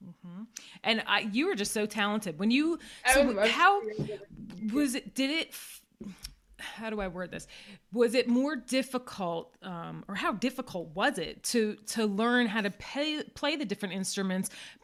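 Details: Adult woman speaking; typical speech.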